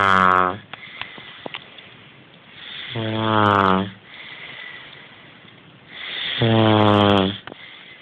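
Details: Man in deep sleep snoring: loud, rough snores on the in-breath, about 18 per minute, with quieter breathing between them; ordinary snoring.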